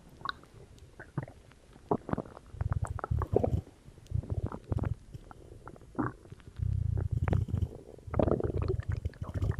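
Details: Bowel sounds (borborygmi) after drinking cola, recorded for ASMR: low gurgling and bubbling rumbles in irregular bursts with gaps; normal stomach growling.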